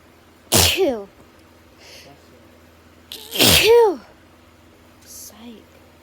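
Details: Two forceful sneezes, each a sharp burst with a falling voiced tail, then a softer sniff, from a person with intense autumn allergy sneezing who complains of dust wafting up; allergic sneezing.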